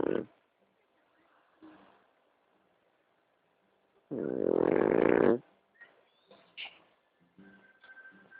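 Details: Pug snoring: a single long, rough, rattling snore from a small flat-faced dog, with softer snorts and breathing noises around it.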